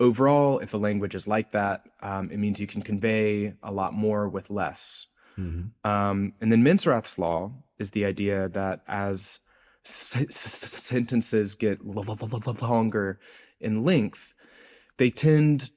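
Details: Adult male researcher who self-reports a speech impediment heard throughout his interview; speech impediment (dysfluency).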